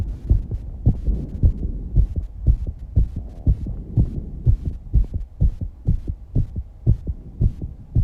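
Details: 19-year-old girl's fast heartbeat after exercise, recorded alongside heavy breathing and some breath-holding: rapid, regular low thumping at about 118 beats per minute.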